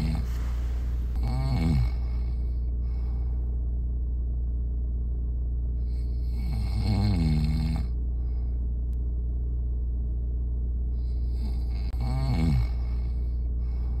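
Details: Three loud, fluttering snores on in-breaths, about five seconds apart, over a steady low hum: snoring.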